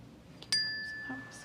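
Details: Role-played bedside cranial nerve exam after a head injury: a struck tuning fork rings with a steady, fading pure tone as the patient reports vibration and sound, with mild diminishment and slight delay on one side; tuning fork hearing test.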